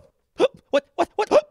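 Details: A child on a kids' TV health segment has the hiccups: a run of short, abrupt, voiced gulping hiccup sounds, four or five within a second and a half.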